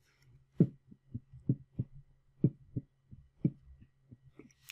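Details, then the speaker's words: S4 gallop: low heart sounds in triple groups at about 60 a minute, S4 preceding S1 and S2 with a "Tennessee" cadence, linked to a noncompliant ventricular wall such as hypertrophy. "now s4 proceeds s1 and s2 so when hurt its s4 s1 s2 or that the cadence would be tennessee tennessee"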